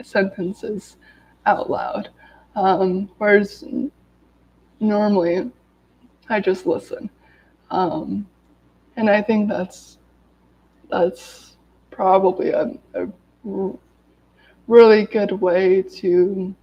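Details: Adult woman who has stuttered daily her whole life, recovering from an illness, reading aloud from a self-therapy book to demonstrate her stutter; stuttering.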